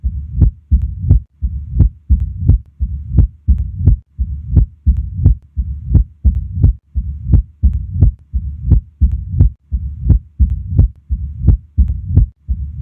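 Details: Auscultation at the apex: regular heartbeat with sharp, loud heart sounds and a low rumbling murmur filling the pauses between beats: mitral stenosis murmur.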